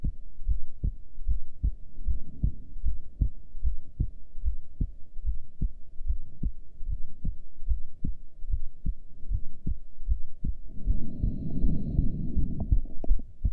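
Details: Normal heartbeat recorded during a breath hold with heart rate display: regular thumps near 75 a minute, then a burst of rustling noise near the end.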